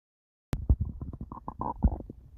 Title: Stomach growls when he gets a new eep sounds